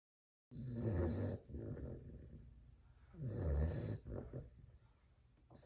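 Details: Fawn Cane Corso (Italian Mastiff) puppy, 2 months old, sleeping: two loud, low, rattling snores with quieter exhalations between, roughly 20 breaths a minute: snoring.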